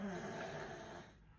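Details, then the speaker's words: A 3-year-old boy snoring while asleep in a hospital emergency waiting area overnight. "c'est que moi j'ai mon fils qui a 3 ans qui est juste à côté de moi, que vous peut-être vous entendez ronfler, qui dort."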